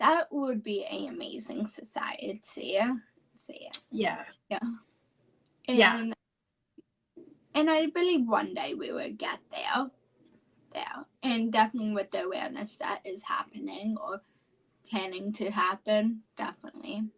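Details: Childhood apraxia of speech, a neurological speech disorder, in a 17-year-old female high school senior. She has had speech therapy since about age four, has word-recall difficulty, and was once only about 10% intelligible.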